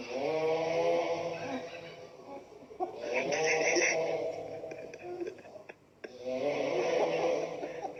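Long, loud, vibrating snores from a sleeping adult, two drawn-out breaths with a pause between.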